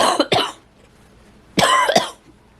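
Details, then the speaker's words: Adult woman with chronic asthma, hoarse and nearly voiceless with a croupy throat amid smoke in the air: two short bursts of harsh, dry coughing, each a pair of quick coughs, with a quiet pause between. "but once I start coughing to gagging cuz like you know my lungs are not able to quite do their thing that's always my signal"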